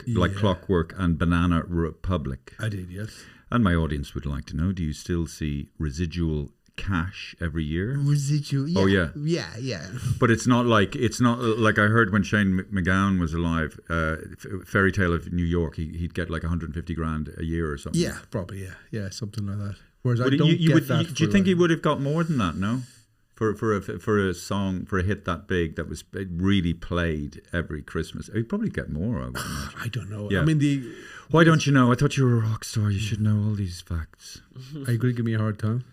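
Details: Two adult men in conversation; normal speech.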